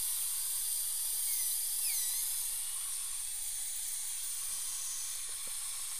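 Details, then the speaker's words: Steady high-pitched hiss and whine of a high-speed dental drill with a chamfer bur and suction noise, removing old build-up material and stain from tooth #5 under rubber dam while replacing an old PFM crown. "I'm going to switch now to a champer bur just going to get rid of a lot of this other stuff here that's covered the tooth"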